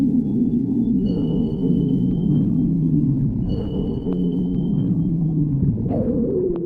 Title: stomach growling